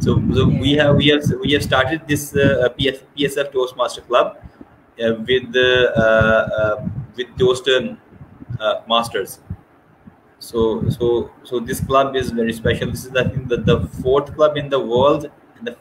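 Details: Adult man who stammers, reports it worsens under pressure and has since worked on his speech; repetitions heard; stuttering.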